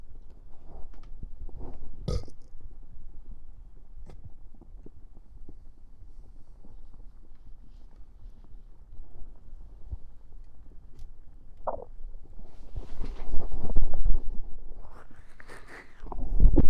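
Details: Low gurgling and fizzing from the stomach with several deep burps after drinking soda, recorded with a sensitive 3Dio stereo microphone; ordinary eructation.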